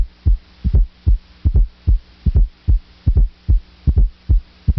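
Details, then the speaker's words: S4 gallop: regular heartbeat near 75 per minute with a soft extra sound in late diastole, just before S1, from atrial contraction into a stiff, non-compliant ventricle. "An S4 occurs in late diastole during atrial contraction. The atria squeeze and force blood into a stiff, non-compliant ventricle."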